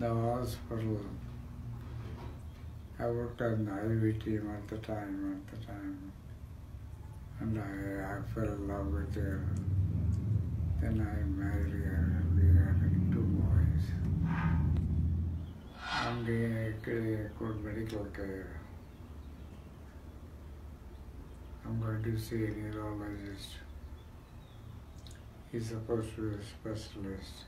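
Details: Man with progressive supranuclear palsy, diagnosed four years earlier, a neurodegenerative disease affecting balance, walking, eye movement, speech, swallowing and thinking; dysarthria in progressive supranuclear palsy.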